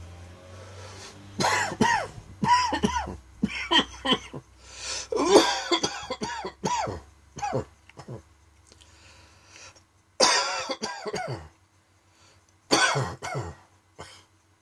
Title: Dry Coughing Fit in the Afternoon.